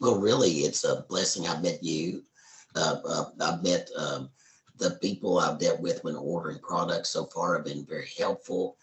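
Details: Tracheoesophageal speech in an adult man after total laryngectomy (larynx and vocal cords removed) in April 2013, speaking hands-free with an indwelling voice prosthesis changed twice yearly.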